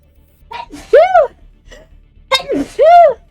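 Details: Sneezing during casual conversation: two sneezes, each a sharp indrawn breath followed by a loud voiced burst.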